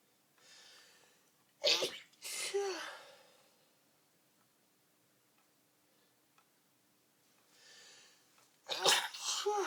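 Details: An early-morning sneezing attack while dressing: loud, explosive sneezes, each preceded by a quick intake of breath, in a quiet room.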